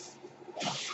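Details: Airflow of the podcaster's own mechanical ventilator, which he points out while speaking: a soft steady hiss, then a louder rushing whoosh of air.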